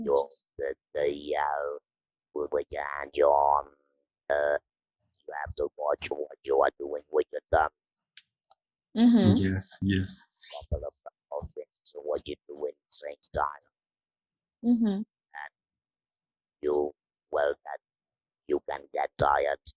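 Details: Electrolarynx speech in a woman after laryngectomy surgery, using the Inspiration electrolarynx device.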